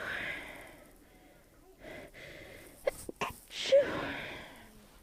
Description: Stifles at the beginning. They were more muffled at the end because I was sneezing into my pillow.